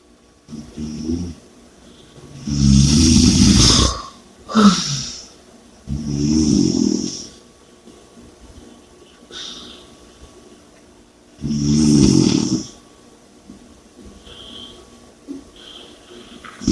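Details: Snoring with loud, rough snores on inhalation roughly every three to five seconds and heavy breathing between.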